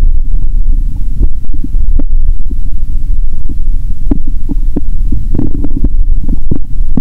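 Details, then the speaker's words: Steady low rumbling with scattered soft gurgles and clicks through a stethoscope tucked under clothing; bowel sounds before a Mentos and cola session, recorded around midday after waking at 7 am; she reports being very hungry with a growling stomach. ""Tận hưởng âm thanh của dạ dày của bạn ♪"."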